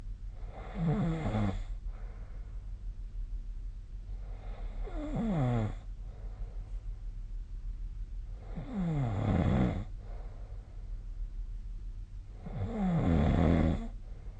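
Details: Sleep snoring: four rattling inspiratory snores, about 15 breaths a minute, with quiet gaps between.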